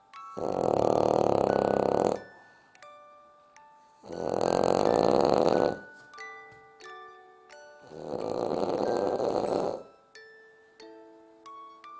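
Three long, loud, rough snoring breaths about every four seconds, with light chiming music between them; heavy snoring in a sleeping dog.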